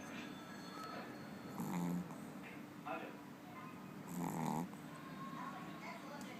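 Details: Pekingese dog snoring: two low rattling snores a few seconds apart over steady room hum; a small flat-faced dog snoring.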